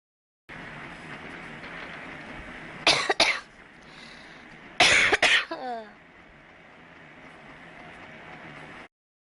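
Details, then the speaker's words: Girl with a sore throat, saying she wants to do something about her cough soon: two clusters of harsh, explosive coughs, each burst two or three quick coughs, against a steady background hum. "早く咳をどうにかしたいよ。"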